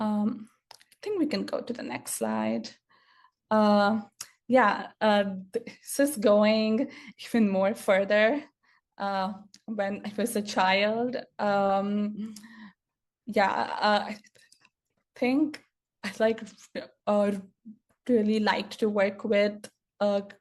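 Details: Stuttering in an adult woman who grew up with a stutter and still stutters; real speaker, not acted; finding: stuttering.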